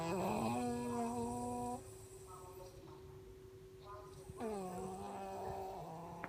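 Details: Snoring during sleep: buzzing, droning breath noises with a steady low tone and a pause between them, in a small room.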